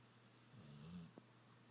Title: Snoring Dog